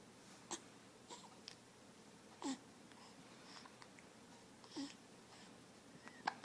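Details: Young child's hiccups: brief, sharp voiced catches every couple of seconds in a quiet room.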